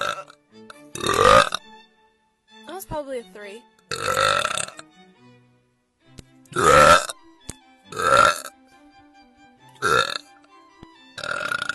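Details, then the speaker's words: An adult woman gives seven loud, drawn-out voiced belches, each a deep rumbling burst, separated by short pauses over faint background music; repeated burping. "oh my gosh I'm sorry you had to hear that oh"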